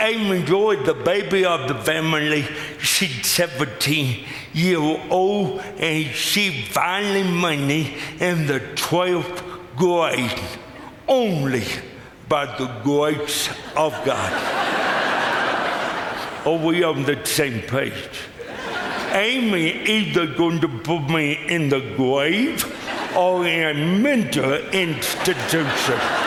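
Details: Adult man with lifelong cerebral palsy; speech dramatically affected and hard to understand at first, forming words in his mouth hardest for him; dysarthria (cerebral palsy).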